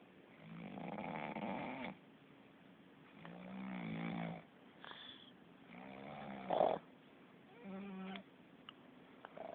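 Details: Sleeping cat snoring: soft rhythmic snoring with fluttery breath noises on each cycle.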